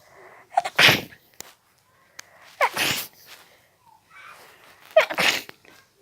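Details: Three loud, wet, uncovered sneezes, each preceded by a short intake of breath.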